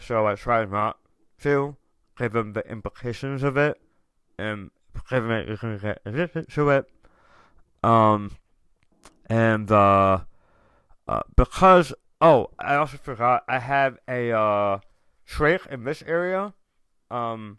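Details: Adult male tongue cancer survivor, diagnosed October 2021, over 1.5 years in remission, about 80% of tongue removed and reconstructed with left-leg muscle, after proton therapy and chemotherapy, with reduced tongue and jaw movement; articulation impairment after partial glossectomy.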